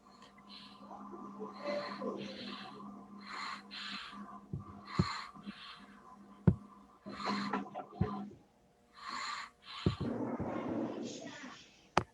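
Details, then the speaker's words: Rapid, noisy breaths from a baby or young child with a steady whistling, musical tone running through them: wheezing audible to the ear without a stethoscope. "yeah so that sounded like wheezing so if your child has a audible wheezing or if you are able to audible means you are able to listen with the uh clearly with your ears that is an honorable wheezing"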